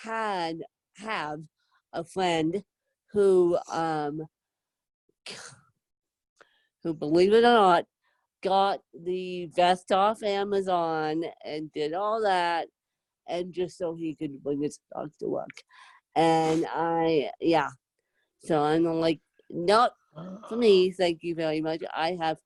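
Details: Adult woman with moderate to severe cerebral palsy, needing help 24/7; dysarthria with cerebral palsy.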